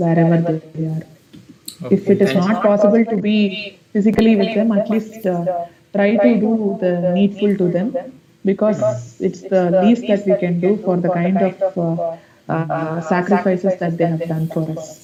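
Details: Puberphonia in a male student with a high-pitched, feminine-sounding voice for 5–6 years; pre-therapy recording made on the voice therapy assessment day.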